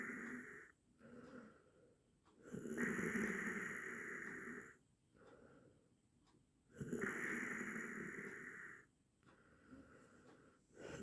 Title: 8 minutes snoring sound| best audio quality